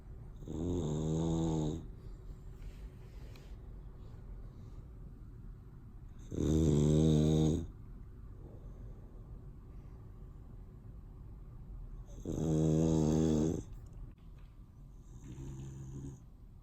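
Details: Snoring in a boxer dog: loud, rumbling snores on each breath in, about 10 a minute, with quiet breathing between; typical dog snoring.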